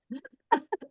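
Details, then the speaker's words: Dog coughing in the background during a Zoom call: a quick series of short, throaty hacking bursts, a brief coughing fit; owner suspects he is hacking up a hairball. "so I am so sorry my dog is um he's coughing in the background hopefully you guys can't hear that but"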